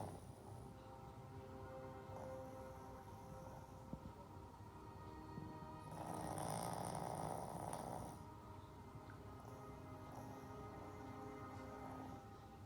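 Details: Snoring from a sleeping 7-year-old shih tzu: rhythmic snorting breaths with music in the background.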